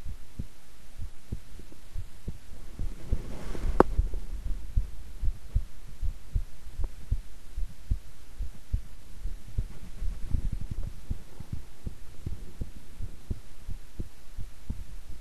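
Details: Own heartbeat recorded at length while keeping still and relaxed: steady low thumps under a constant hum, with some rustling from handling; normal resting heart sounds.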